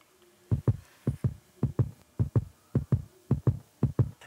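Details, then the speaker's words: Presenter's own heart through a stethoscope after moving a little: regular paired heart sounds, clearly faster at roughly 115 beats a minute. A normal quickened heartbeat after light exercise. "So, mal gucken, wie meine Herzfrequenz jetzt ist. Doch schon deutlich schneller."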